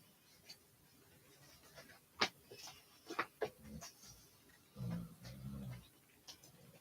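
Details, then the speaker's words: Sleeping dog heard during a live stream in a quiet room: two short bursts of low, rumbling snorting among light clicks and handling noises: dog snoring. "sorry if you can hear my dog snoring damn he's really snoring"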